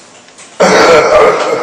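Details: Two-person manually assisted cough with chest and abdominal compression for a man with high spinal cord injury: after a quiet pause, a single sudden, forceful, rough cough burst lasting about a second.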